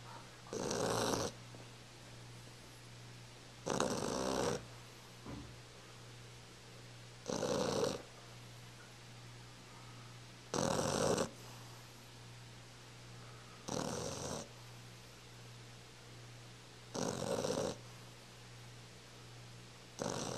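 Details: Snoring recorded on a Flip Video camcorder in December 2010: regular noisy snores about every three seconds, roughly 18 a minute, over a steady low hum in a quiet room; snoring.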